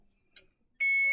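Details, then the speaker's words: A faint click, then a sudden loud, steady high-pitched alarm from an IV infusion pump during a simulated nursing skills scenario, sounding because the line clamp was closed. "alarm wow what do you know like oh it's because my clamp is closed"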